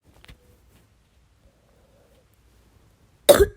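A single harsh, forceful cough after near silence, a cough from bronchitis.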